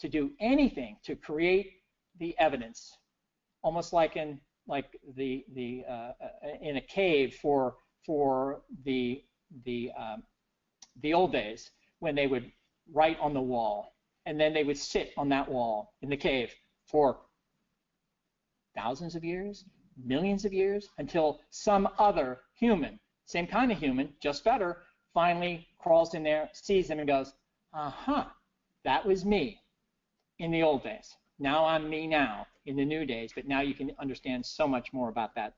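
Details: Adult man with persisting aphasia after a stroke in 2011, recorded years later (2017) during recovery; he previously could not read, write or speak well after the stroke; aphasia.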